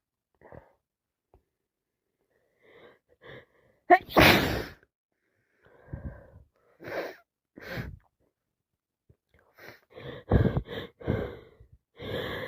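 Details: Person with yet another cold: a loud wet sneeze after a breathy build-up, then sniffing, short catches of breath and slight coughing; repeated wet sneezes.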